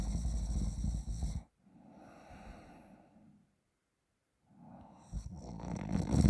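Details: Rough, rattling snores from a sleeping adult while a friend manipulates the sleeper's throat, with a quiet pause without breath sound before snoring resumes.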